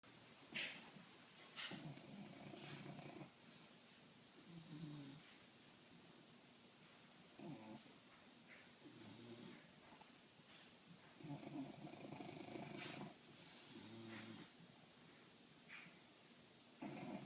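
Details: Two sleeping English bulldogs snoring in sync: repeated loud, rattling, snorting breaths with overlapping rhythms.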